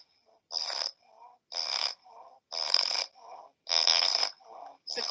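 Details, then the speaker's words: Nasopharyngeal stertor in a flat-faced dog with brachycephalic obstructive airway syndrome (BOAS): loud, harsh, rattling snore-like noise on each breath in, quieter breaths out, about 53 breaths a minute. "now the respiratory noises that we're looking for are the sturter"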